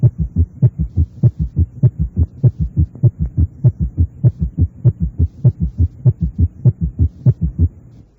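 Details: Simulated rapid heart sounds, about 100 a minute, with an added low thud each beat giving a galloping rhythm: summation gallop, where atrial contraction overlaps the rapid ventricular filling phase at a fast heart rate.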